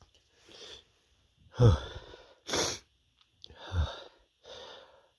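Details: Male with big build-up sneezes: several sneezes, each a breathy build-up before a sharp, explosive burst.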